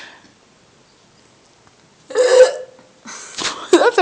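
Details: One loud, voiced, throaty burst lasting under half a second after a quiet stretch, with faint voices following: a burp.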